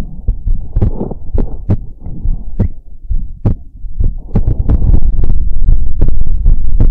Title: ASMR Heartbeat Sounds and More | Heartbeat ASMR #27